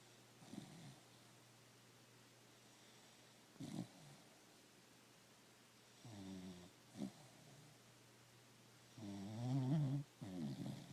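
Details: Stella, a cocker spaniel in deep sleep, snores with low, buzzy sounds in uneven bursts, brief snorts and longer rattling breaths with quiet gaps: snoring.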